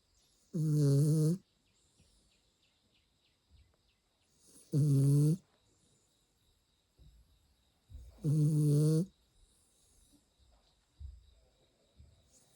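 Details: Early-morning snoring: three loud, buzzing snores about four seconds apart, with faint outdoor sounds in between.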